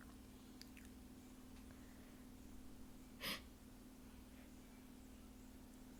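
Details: One sharp, explosive sneeze over a steady background hum with faint breathing, deliberately self-induced by someone with a usually stubborn nose, amid nose blowing; loud sneeze.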